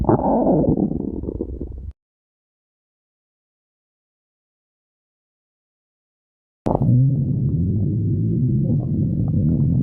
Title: stomach growling (hololive)